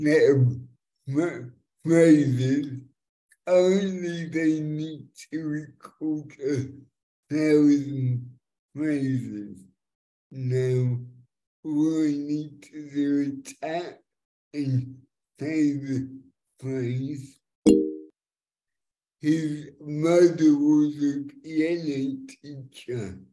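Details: Dysarthric speech in a multilingual young woman born with cerebral palsy (congenital) that has affected her speech; she uses a speech recognition app to communicate.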